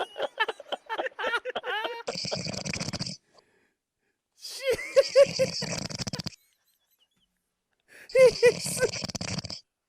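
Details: Heavy snoring: loud, rattling snores with a gurgling, whistling edge, about three long breaths separated by quiet pauses, recorded while the sleeper is unaware.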